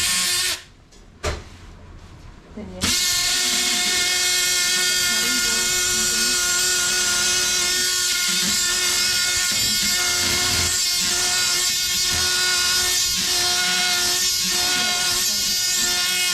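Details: Oscillating bone saw cutting bone during graft harvest (STG, BPTB or QTB tendon grafts): steady loud buzzing tone with rhythmic dips as the blade bites.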